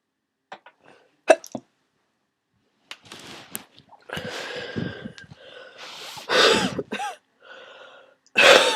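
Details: Adult with a worsening cold: several sneezes with sniffling and a loud nose blow.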